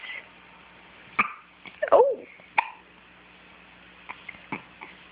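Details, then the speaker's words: Brief sharp hiccups repeating every second or two from a small animal, with a soft voice nearby asking "you got the hiccups?" "Yeah, you got the hiccups? You got the hiccups?"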